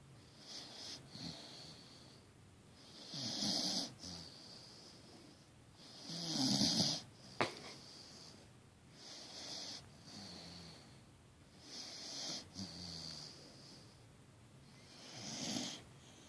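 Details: Snoring from a deeply asleep Great Dane mix puppy: steady, rough snoring cycles about 20 times a minute.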